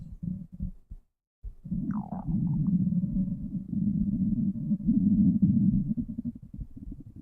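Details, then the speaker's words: Stomach rumbling from hunger in a person who hasn't eaten all day, heard during a live stream: a low, drawn-out gurgling rumble with a brief squeaky rise over faint room noise; borborygmi. "Just realised I haven't eaten today. Apologies if you can hear my tummy grumbling. Oops. Never go on to a live stream if you haven't eaten."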